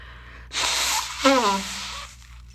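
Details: Person with a bad head cold: a sharp inward gasp, then one explosive voiced 'choo' sneeze trailing off; a single sneeze.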